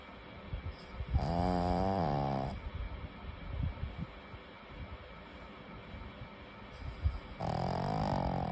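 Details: Sleeping pugs, a flat-faced breed: loud, rattling, buzzing snores about six seconds apart with noisy breaths between; heavy snoring.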